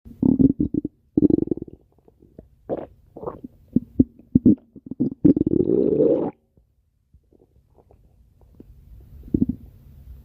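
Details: Gurgling, bubbling rumbles and squeaky low growls in bursts over ten seconds, then quieter; normal stomach growling (borborygmi) recorded close up.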